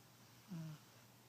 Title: Lucky the Fat Cat snoring